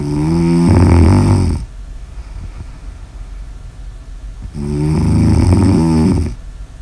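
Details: ASMR snoring recording: two loud, deep, vibrating snores on breaths in, separated by quiet breathing out; snoring.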